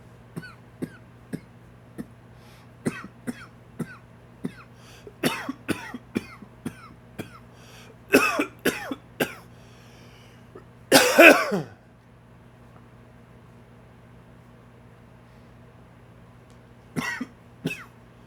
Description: Allergies kicking up...dry, wheezy cough...please comment, share, like and enjoy!